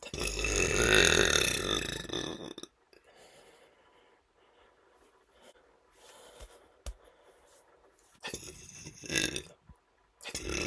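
One long, loud, rough belch followed by quiet breathing and a few shorter burps. Repeated belching.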